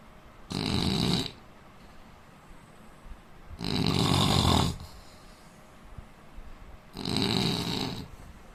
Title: indian man snoring 🤣